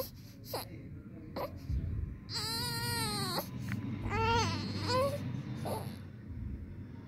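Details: 19-day-old newborn crying in several tonal wails with short whimpers between them, over low room rumble.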